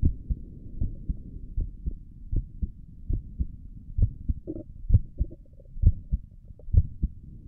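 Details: Normal heart sounds recorded through a stethoscope on own chest for ASMR, stomach gurgles noted elsewhere in the recording: soft, regular paired heartbeat thumps with faint rubbing noise.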